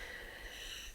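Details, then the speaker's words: Adult recovering from a cold/flu while speaking; a brief, noisy breath with a faint high whistling edge: mild wheezing. "And, sorry, you can hear my wheezing."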